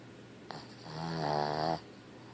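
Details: One loud, vibrating, groaning snore about a second long, then quiet, from a sleeping female dog who wakes herself snoring; snoring.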